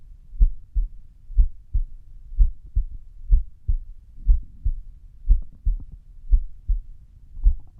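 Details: Low heart thumps at about 59 per minute with uneven spacing between beats, recorded at rest; irregular heartbeat (arrhythmia).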